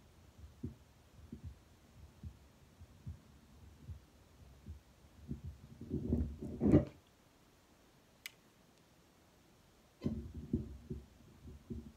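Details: Regular low heart thumps at about 75 a minute heard through a Littmann Cardiology stethoscope over the mitral, tricuspid, Erb's, pulmonic and aortic areas, broken by chestpiece rubbing and a silent gap.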